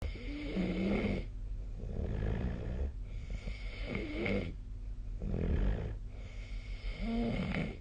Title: 👃 本日のイビキ / Snoring Sleep Sound 2024/12/22